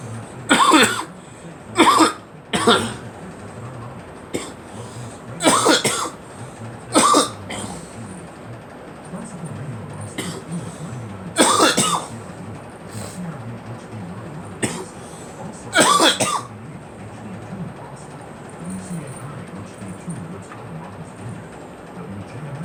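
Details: Adult coughing: about nine short, sharp, irregularly spaced coughs against steady background hiss, recorded on a 39-degree day in Boston; cough.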